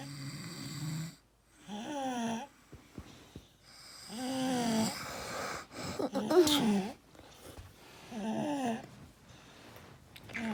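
Repeated rough, buzzy breath sounds with rising and falling pitch, about 30 a minute, unevenly spaced; snoring.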